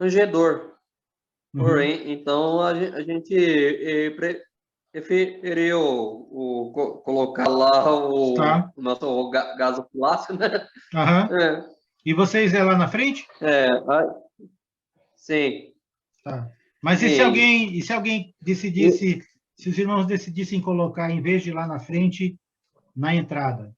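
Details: Adult man speaking Portuguese who says he himself has a stutter; stuttering.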